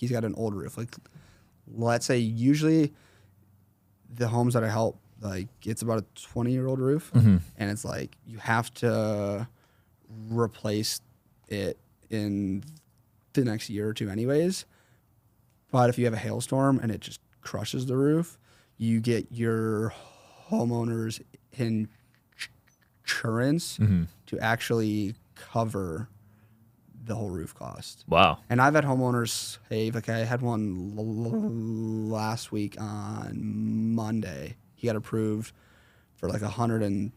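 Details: 21-year-old man with a severe stutter since 4th grade that varies in severity and is worse when consciously processing what he says; stuttering.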